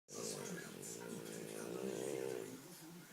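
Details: French bulldog snoring while dreaming: a single drawn-out, rattly, snorting breath in a quiet room.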